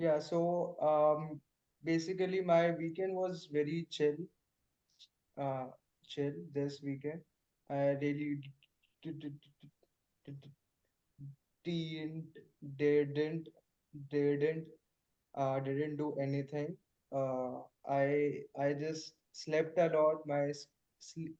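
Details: Male participant in a stammering practice group practicing pull-out and cancellation techniques; word repetitions: stuttering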